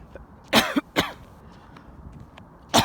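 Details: Three harsh cough bursts with a throat-clearing quality during an outdoor jog that includes walking backwards. The person says they are coughing up phlegm from the lungs, and that breathing is easier afterwards; consistent with a productive cough.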